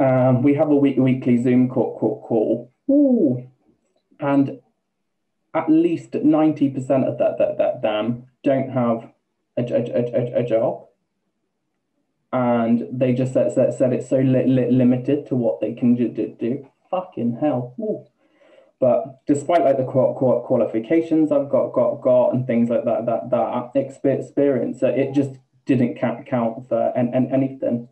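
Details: Man, 28, with Tourette's for about two years; vocal tics including involuntary swearing and repeated words, plus a stammer he never used to have; vocal tics with stammering (Tourette syndrome).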